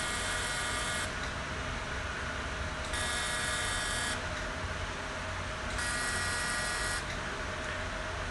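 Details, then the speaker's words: CO2 fractional laser applied across the face to treat open pores, tighten skin and remove acne scars: steady machine hum with hissing bursts switching on and off about every three seconds; CO2 fractional laser operating. "तो ये CO2 fractional machine के through हम skin में जो collagen और elastin उसको damage कर रहे हैं, और ये 21 डेज के बाद ही कोलेजन रिमॉडल होगा, वापस से बनेगा, और ये स्किन को एकदम स्ट्रेंथ अप कर देगा, टाइट कर देगा।"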